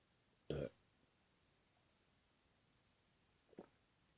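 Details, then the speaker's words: Voluntary burping: one loud, low burp, then a fainter short throat sound about three seconds later, in a quiet room. "Doug. This is a burp video for you. Thanks for the burps you did this morning."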